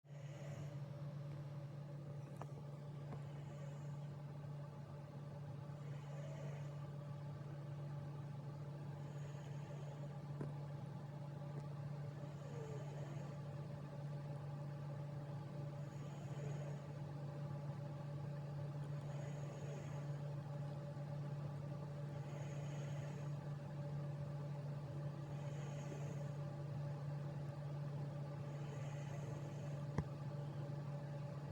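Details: Soft, not very loud, regular snoring from a sleeping male cat, about 19 breaths a minute, over a steady low hum.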